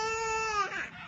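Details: Baby boy crying: brief high-pitched infant wail that falls in pitch and trails off.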